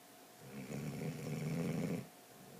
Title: Snoring dog